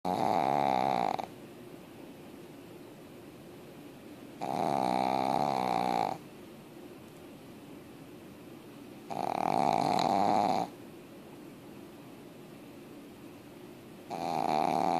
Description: Anna the Pug sure can saw some longs when when she's sleeping! Check out this clip to see how loud she can snore!